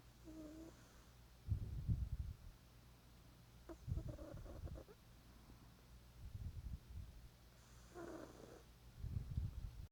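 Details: Sleeping pet snoring: low, rough snores about every 2.5 seconds, roughly 24 a minute, with faint nasal whistles; snoring.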